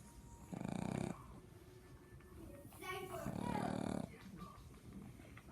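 Two drawn-out rattly snoring breaths with quieter sniffing between, over steady room hum: snoring from a small flat-faced dog.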